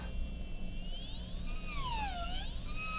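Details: High-speed dental drill trimming the distal box for gingival clearance in an MOD amalgam preparation on tooth 29 of an Acadental typodont: a high-pitched whine rising and falling in pitch.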